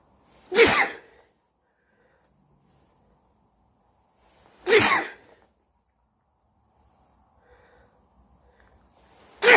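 Three sharp, forceful sneezes about four seconds apart in a quiet room.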